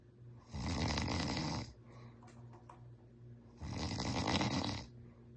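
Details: A husband snoring, recorded as proof after he says he never snores: two loud, rattling inspiratory snores with quieter breathing between them in a quiet room.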